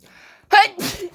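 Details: A single loud, sudden sneeze from a woman with a sharp voiced burst, followed by a brief breathy exhale; Gippeumi reacted to it as a signal to play; sneeze.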